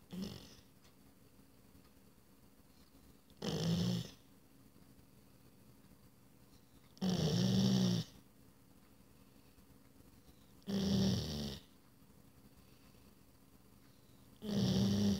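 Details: Sleeping dog (Lola) snoring: four loud, rough snores at regular intervals with quiet gaps, about 16 a minute.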